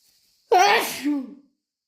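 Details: A single sudden, forceful, wet sneeze with a sharp onset and short voiced tail; an induced allergy sneeze.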